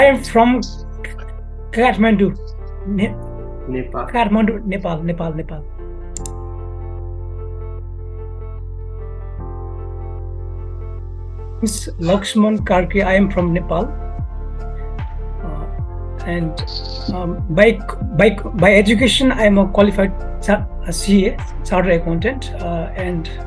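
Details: Adult man who stutters, often on certain words, with speech anxiety when speaking in groups or public; after 28 days of training he reports no hesitation, so stuttering may be milder here.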